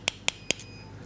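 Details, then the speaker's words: Ankle operation for a sporting injury: a bone tap gently pushes a cut bone window, still covered by periosteum, inward into a trough, producing three sharp metallic taps in quick succession. "now we're going to use something called a very simple instrument called a bone tap which is just used for pushing bone and we just do it very gently we just push that in"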